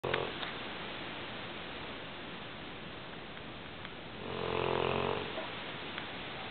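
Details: Large female English Mastiff snoring loudly: low, rumbling breath noise with a louder snoring inhalation near the end, over steady room noise; ordinary dog snoring.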